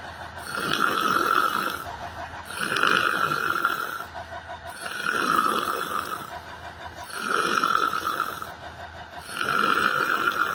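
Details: Person asleep sitting on a bench in a library, with loud, rough snores on each breath, about 29 a minute, rising and falling in a steady rhythm; snoring.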